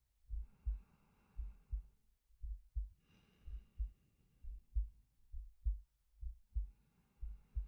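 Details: Soft paired heartbeats at roughly 65 to 70 a minute, with slow breaths drawn in and let out over them, from a male ASMR sleep-aid recording; a normal heartbeat and breathing.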